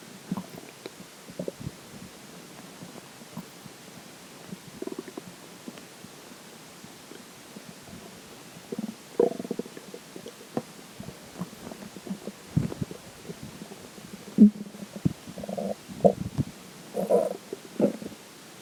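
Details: Irregular gurgling, bubbling stomach growls (borborygmi) after drinking water, with crackling at the end from the water bottle.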